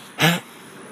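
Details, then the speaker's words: Dog with a cough, recorded outdoors; one short, harsh hacking cough, a brief forceful burst; owner notes she is coughing less than before and looks less unwell. "can youall hear that hack hear that hacking cough come on love she's not coughing as much that's a good thing"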